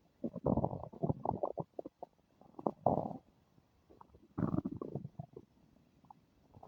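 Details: Bowel sounds (borborygmi).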